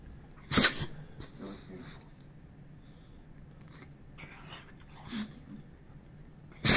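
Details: Boxer dog sneezing while playing, nose still tickling: two sharp explosive bursts a few seconds apart with quiet snuffling between.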